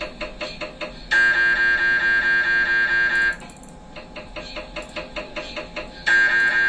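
Loud, rapid buzzing knocks and sustained droning tones in repeating blocks; typical MRI scanner noise during imaging sequences.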